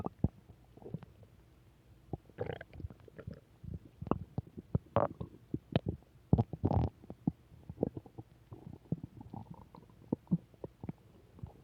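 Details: Return of stomach growls: irregular low gurgles, pops and rumbling growls from the belly; normal bowel sounds (borborygmi).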